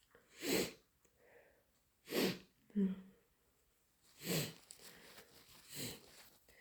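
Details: A person with a cold, deliberately induced sneezing and nose blowing: four loud, explosive sneezes with softer sniffing and breathy nose sounds between, in a quiet small room.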